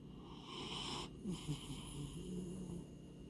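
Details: Snoring in a sleeping male grey American Shorthair cat born May 2014: soft, faintly whistling snoring breaths over quiet room noise.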